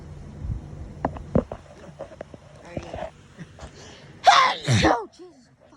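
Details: Sneezing fit from an autumn allergy sufferer: faint handling and room sounds, then two forceful sneezes in quick succession.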